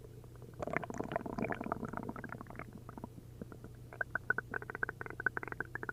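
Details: After drinking a liter of milk and a liter of prune juice, an upset stomach gives frequent loud gurgling and bubbling over a low hum, ending in quick squelching pops: hyperactive bowel sounds (borborygmi).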